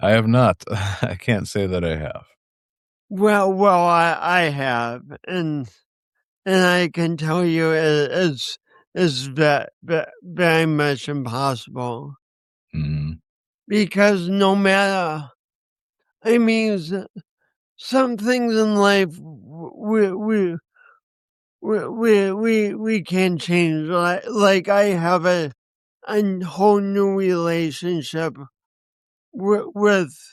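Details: Stuttering-type speech disfluency in a man with a speech impediment and coordination issues, which he says he has not overcome.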